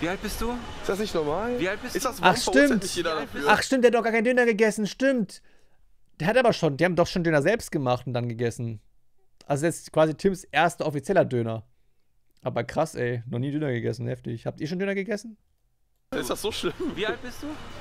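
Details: Adult speakers, conversation; typical speech.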